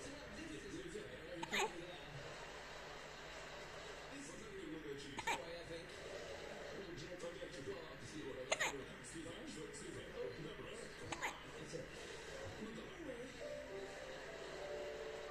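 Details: Infant (Ethan), 23 Feb 2023: four sharp, brief hiccup sounds about every three to four seconds over quiet room noise and soft voices; baby hiccups.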